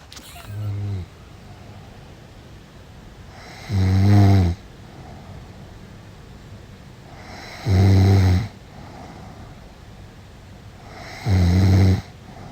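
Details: Snoring.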